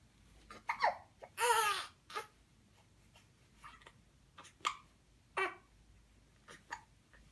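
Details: Baby girl, 1 month 11 days old, with newborn hiccups: repeated short, irregular squeaky catches with a brief fussy cry.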